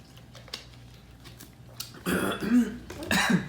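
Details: Adult hospital worker deliberately faking a coughing fit to a worried five-year-old dog: after a quiet pause, two harsh, voiced throat-clearing coughs.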